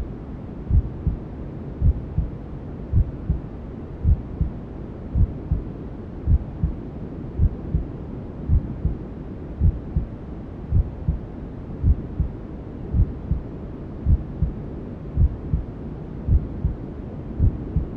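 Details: Newborn sleep-aid womb sounds: steady, regular low thumps at about 54 a minute under constant whooshing white noise, a mother's heartbeat and belly sounds as heard from the womb.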